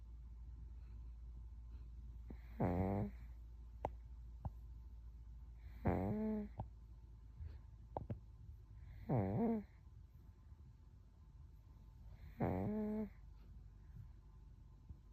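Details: Soundly sleeping baby aged 1 year 1 month: four soft, rattling snores on breaths in, about 18 a minute, in a quiet room; snoring.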